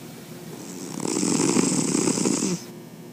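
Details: A white cat snoring while sleeping, loud as a human: one rattling snore with a fluttering rumble and airy hiss over quiet room noise, recorded from a distance to avoid waking him.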